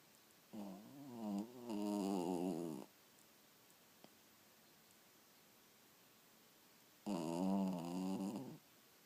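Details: Sleeping dog snoring: two long, rattling, throaty snores separated by a quiet pause.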